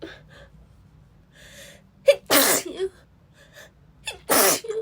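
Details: A female with a cold sneezing repeatedly, even while blowing her nose: two forceful sneezes, each preceded by a quick inward catch of breath, with soft sniffing between them.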